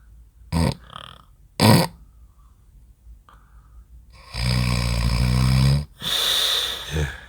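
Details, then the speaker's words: Adult man in deep sleep in a hotel room near midnight: two brief snorts, a pause, then long, loud rumbling snores growing louder, briefly pausing as he startles at his own snoring, then resuming. "이런 원망을 하면서 님의 코 고는 소리를 녹음하게 됐습니다"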